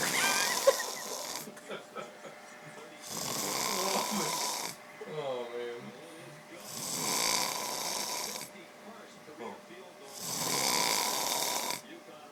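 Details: Loud, rough snores about every 3.5 seconds from a sleeping man, with quieter breathing and faint room noise between them; loud snoring.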